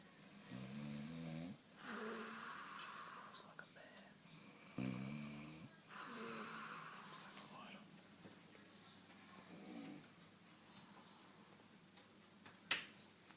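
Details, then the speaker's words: A mum sleeping gives loud, rough, vibrating snores on the in-breath, with breathy out-breaths between them. Ordinary snoring. "Guess what? I recorded you snoring and you're going on YouTube now."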